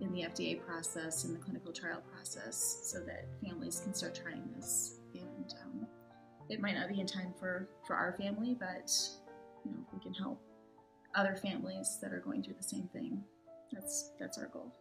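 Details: Adult speaker; normal speech.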